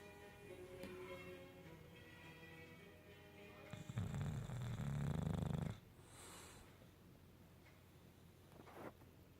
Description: Bruno, a male English Bulldog is taking a nap in the couch while making sure everyone in the room knows it!